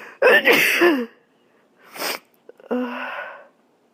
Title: *gonna sneeze*